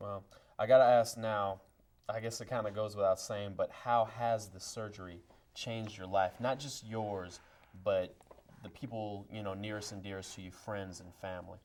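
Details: Adult man speaking; typical speech.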